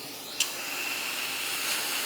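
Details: A short click, then a steady high-pitched hiss: dental air-water spray rinsing the upper arch during a digital intraoral scan for an all-ceramic crown on the patient's maxillary left canine.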